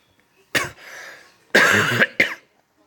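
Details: Cough from an ill child aged 2 years 11 months: three harsh coughs separated by a brief breathy sound.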